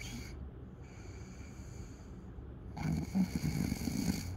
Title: Night Snoring Sound